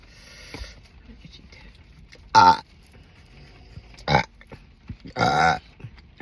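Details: Soda-style gas: three loud, voiced belches over about six seconds in a quiet room, with the burper drinking a diet Sprite-like spritz; ordinary burping.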